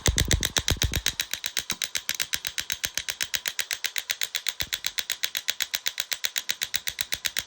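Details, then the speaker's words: Portable shockwave therapy kit running on its shoulder setting: rapid, regular sharp clicking pulses, about four per second, with a high buzzing tone. "People say, oh my gosh, this is noisy. This is what it is now."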